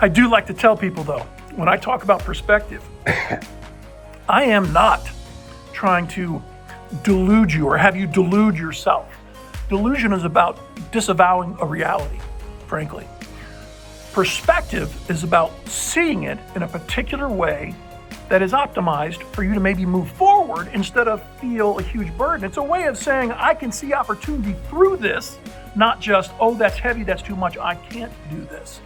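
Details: Adult man, nine months after a respiratory illness puzzling doctors, infection cleared, breathing fine but persistent spasmic cough; voice unlike his normal voice, unsure if it will recover: dysphonia.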